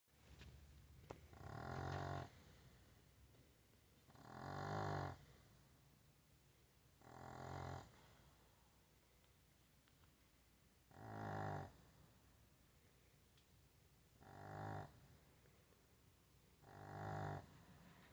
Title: Chihuahua puppy snores like little Pigglet